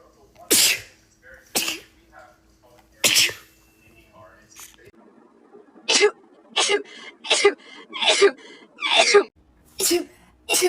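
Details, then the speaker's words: Sneezing attack that started while making coffee, not allergic to coffee: a run of about ten sharp sneezes in quick succession, some with a short breath drawn between them. "Yep. I'm having a sneezing attack. That was me making my coffee and I started sneezing."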